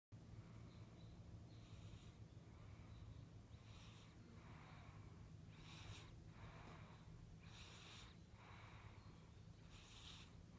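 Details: Soft, regular noisy breathing from a sleeping 5-week-old infant, with snuffly snore-like sounds about 28 times a minute; snoring.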